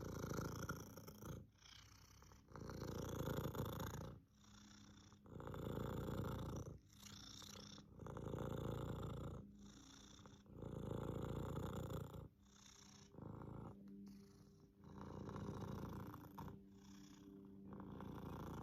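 Cat purr alternating loud and softer phases, with a whistling wheeze tone on the quieter phase.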